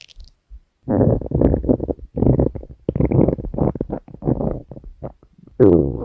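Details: Loud, low gurgling rumbles in bursts over several seconds from a hungry female's stomach; hunger growling, normal bowel sounds (borborygmi).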